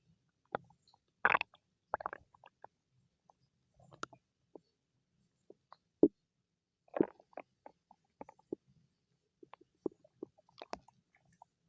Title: Stomach growling~ for you♥